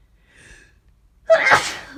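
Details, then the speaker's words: A quiet intake of breath, then one loud explosive sneeze, in an adult who suspects a cold or flu, with a sore throat, headache, aches and constant sneezing. "I need to sneeze all the time. God, I just can't stop."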